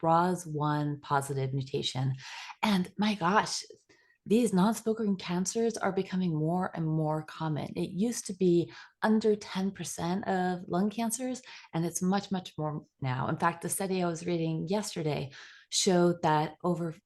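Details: Adult woman with stage 4 lung cancer has aphasia with word stumbling caused by brain radiation necrosis after radiation to four brain tumors. She reports it is improving. Aphasia.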